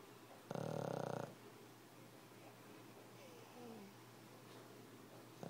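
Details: Dog snoring, which happens all night long: a single rough, rattling snore on the in-breath lasting under a second, then quiet breathing with faint room noise; snoring.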